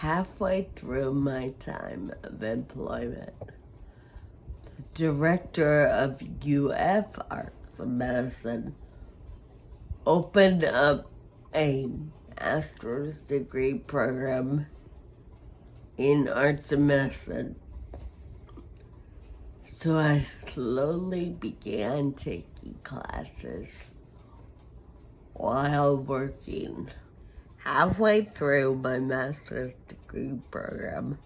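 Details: Adult woman with Friedreich ataxia who uses a wheelchair and has scoliosis with spinal rods; her speech may need captions to follow; ataxic dysarthria.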